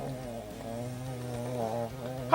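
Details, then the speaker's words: A steady, low, droning buzz lasting about two seconds in a quiet room: a single long snoring breath from a sleeping pet dog. "yeah I know my dogs over there snoring I'm sure you often hear that"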